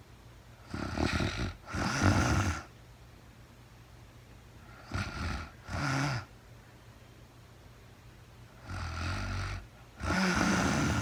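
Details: Real-time recording of a woman asleep, no talking: paired in-and-out snoring sounds repeating every few seconds with quiet pauses, about 15 breaths a minute. Snoring.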